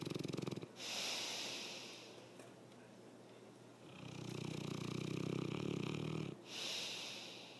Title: Pompel Snoring